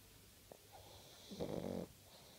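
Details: A single rough, fluttering snore on the in-breath from a sleeping pug, a flat-faced dog, against a quiet background.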